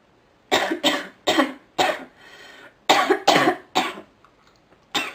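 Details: A woman who is ill gives eight harsh, chesty coughs in two runs, with a wheezy in-breath between them: a repeated cough of illness.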